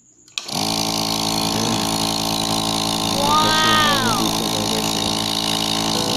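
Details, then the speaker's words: Loud, steady buzzing motor starting after a click and running on: an Apex nebulizer air compressor (model 100200) working again after its stiff motor was greased. "Ayan medyo tumigas kasi pangang umikot Ayan gumana na siya mga guys ito na siya"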